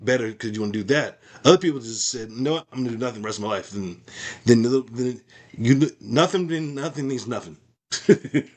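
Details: Adult male with aphasia after a stroke, practising speech as part of his recovery. Finding: aphasia.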